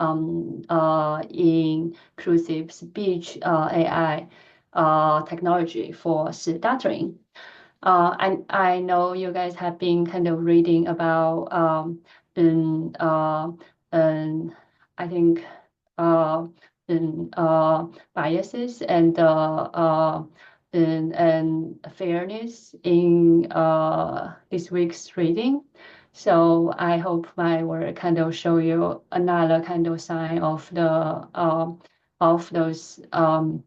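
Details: Stuttering in an adult woman who stutters; she reports that her stuttering pattern varies greatly depending on who she is speaking to and the situation.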